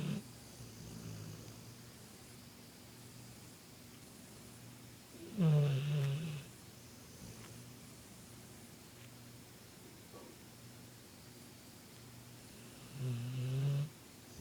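Two low, rattling snores about seven seconds apart over quiet room noise: a sleeping dog snoring.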